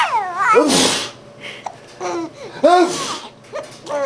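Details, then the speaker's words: Father gives two forceful sneezes, each a sudden noisy burst, while his infant son giggles and babbles; ordinary sneezes. "this is March 26 2011 and we just found out that Jacob thinks it's hilarious when Daddy sneezes"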